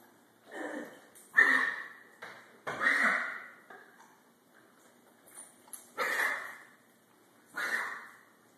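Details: Boxer dog with kennel cough: about six harsh, dry, honking coughs in short bursts.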